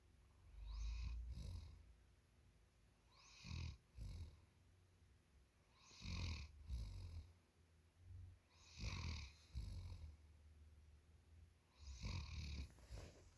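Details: Sleeping German Shepherd dog snoring: low, rumbling snores in repeated pairs, roughly 20 a minute, ordinary deep-sleep snoring.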